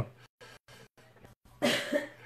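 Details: Adult man who says he is not ill but has lost his voice: a few soft, short bursts followed by one louder, harsher cough over a faint steady room hum; cough.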